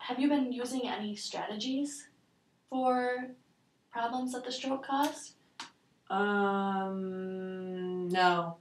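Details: Adult clinician, with a brief reply; unaffected clinician speech.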